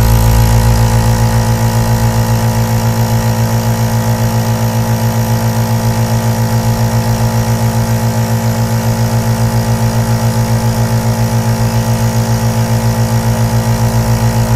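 A steady, low mechanical hum with a fast, even pulsing throb throughout, the sound of a compressor nebulizer motor running continuously.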